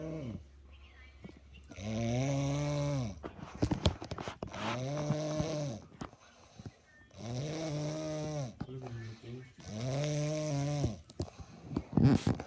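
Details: Heavy snoring: loud, deep, buzzing snores, about four over 12 seconds, with snorting sounds between.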